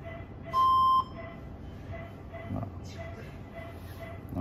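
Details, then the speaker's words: Brief half-second steady electronic tone with faint chiming as a mains-connected defibrillator is switched on, during a defibrillation/cardioversion tutorial. "kemudian kita hidupin tombol dekat-dekat aja dek-dekat Nyalakan tombol ini"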